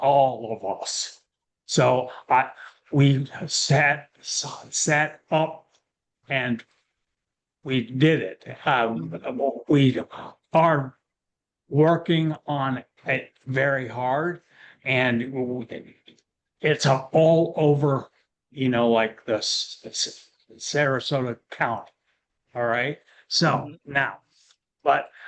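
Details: Aphasia in a man, a panelist at an aphasia conference; real, unscripted speech.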